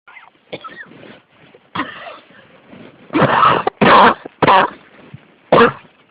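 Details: A cough that won't stop: several loud, harsh cough bursts in quick succession after quieter throat sounds; persistent cough.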